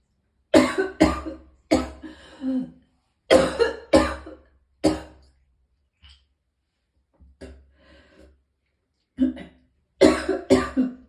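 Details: Clusters of about ten loud, harsh coughs with faint throat sounds between bouts, from a person in extreme pain who vomited several times.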